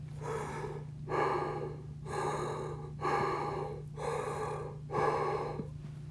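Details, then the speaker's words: Harsh, hollow breath sounds with loud, similar inspiration and expiration, illustrating tubular breathing in a newborn with respiratory distress syndrome (hyaline membrane disease), where solid membranes increase sound conduction: tubular (bronchial) breath sounds. "if you replace the air in the alveoli with solid membrane called hyaline membrane you will increase sound conduction that's why now the sound is not visible ER its tubular and it sounds like this"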